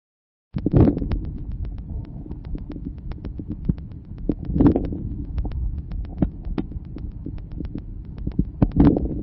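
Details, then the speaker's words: Early inspiratory crackles: breath sounds with a few brief crackles localized to the start of each inhalation, characteristic of severe bronchial obstruction. "ils sont peu nombreux et localisé au début de l'inspiration ils sont caractéristiques d'une obstruction bronchique sévère"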